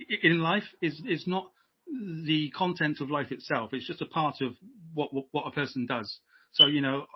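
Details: Adult British man who has stammered since age five, repeating stammer in childhood that later took hold; now much improved, uses voluntary stammering and modification techniques (stammering/stuttering)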